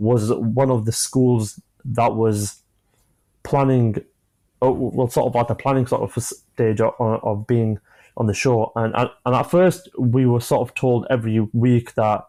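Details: Adult man, 25, with a stammer since early childhood (onset at about age 5-6, after an asthma attack), who manages blocks with breathing techniques and pausing; stammering.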